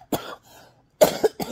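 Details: Woman with hacking cough, trouble breathing and chest pain for four days despite nebulizer use, later going to the emergency room: two short, harsh cough bursts with a brief gap.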